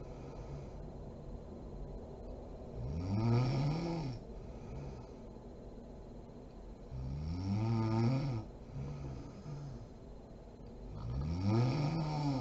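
Three rumbling, buzzing inhaled snores with quiet breathing between, roughly 14 breaths a minute; ordinary snoring.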